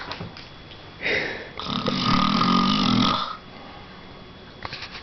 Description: This is my dad after a hard day's work, snoring away in his arm chair.